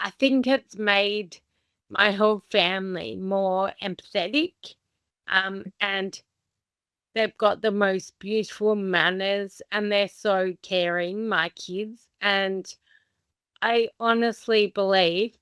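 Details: Adult woman with Friedreich's ataxia, a progressive inherited condition diagnosed at age 17, who is unsteady on her feet; slow speech, consistent with ataxic dysarthria.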